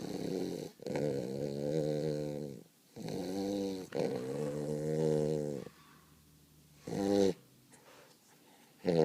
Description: Our new Weimaraner puppy "Cody" taking a serious nap